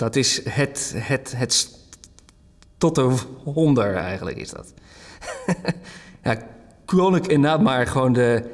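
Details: Dutch-speaking man who stutters, in a documentary portrait; word repetition; stuttering.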